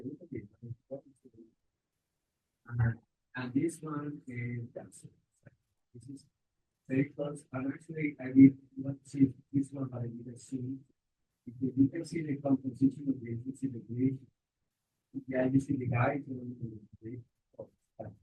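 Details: Adult man speaking; normal speech.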